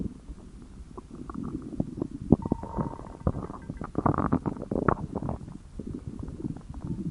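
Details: Dylan's stomach growling from hunger: low rumbling and gurgling from the belly, ordinary borborygmi.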